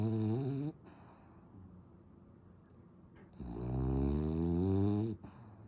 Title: Snores louder than my husband 😆